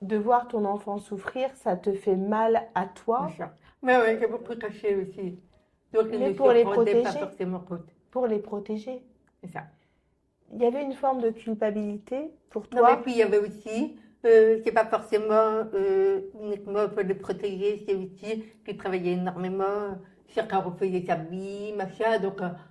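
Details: Deaf speech in French from an adult woman born profoundly deaf who had thousands of hours of speech therapy from childhood and lip-reads; real speech.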